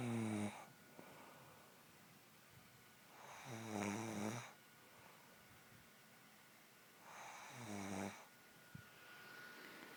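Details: An adult woman snoring in sleep, recorded by her husband: three loud, rattling inspiratory snores, about 16 a minute, with quiet out-breaths and room noise between.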